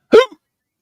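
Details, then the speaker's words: A man's single short, sharp, voiced hiccup, part of an ongoing hiccup attack, heard during a live stream while others talk. "He has the hiccups. He's going to make that noise whether I'm talking or not."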